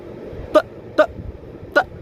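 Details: 23-year-old woman with Tourette syndrome; a vocal noise occurs mid-sentence; vocal tic (Tourette syndrome).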